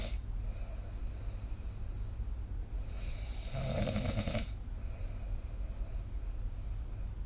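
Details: Snoring during sleep recorded with the SnoreLab app: low rumbling breathing with one louder, rougher snore in the middle.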